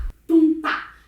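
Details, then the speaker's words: Voice imitating a regular two-beat heart rhythm, a low 'tum' (mitral and tricuspid closure, S1) then a sharper 'tá' (aortic and pulmonary closure, S2); normal heart sounds imitated, not a real recording. "ritmo cardíaco regular em dois tempos válvula tricúspide e mitral fecham juntas 1 válvula aórtica e pulmonar fecham juntas tá por isso tum tá tum tá tum tá tum"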